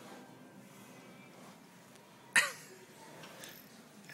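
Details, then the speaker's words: A single sharp, explosive sneeze from a dog against quiet room noise, as the owner coaxes another sneeze and laughs. "you want to sneeze again? Here it comes. Here it go."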